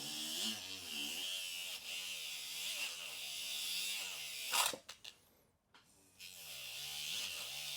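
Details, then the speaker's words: Dental bur cutting bone: high whining drill with shifting pitch under load, then stopping, as a non-end-cutting barrel diamond bur cuts a zygomatic implant channel along the malar process on a 3D-printed patient model. "and that's why we use these Barrel diamonds because they're non-end cutting so they are safer to use in these cases"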